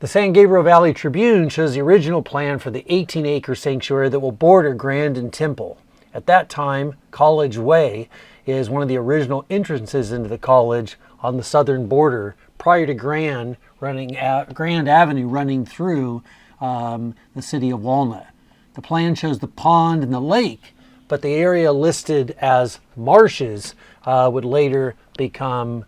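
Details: Adult male narrator; normal speech.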